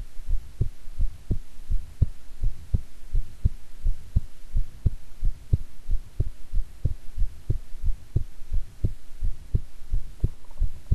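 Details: Own heartbeat recorded while digesting a meal: steady, regular lub-dub at about 86 beats a minute with a low hum and stomach growling; normal heartbeat.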